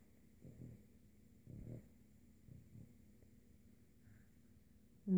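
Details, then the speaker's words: English Toy Spaniel snoring while napping: soft, low snorting snores and a few faint breaths in a quiet room. "is andrea's dog sydney she was napping and snoring of course she wakes up as soon as i start taking her video she is a loud snare"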